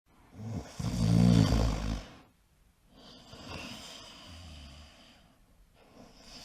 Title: Man Snoring Sound Effect